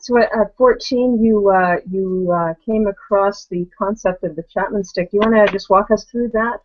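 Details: Adult speaker; normal voice.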